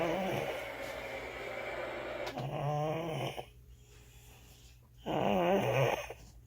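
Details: A sleeping infant snoring: two rough, fluttering breathing sounds with a quiet pause between them and a faint room hum underneath.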